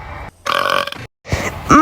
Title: rp ep 17: a great burping contest